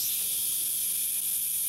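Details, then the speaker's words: Ultrasonic dental scaler fitted with a P3 stain-removal tip: a steady high-pitched hiss with no pauses as the line is bled and adjusted, giving a slurry of water spray off the tip. "again you can see that we have kind of a slurry of spray coming off the tip"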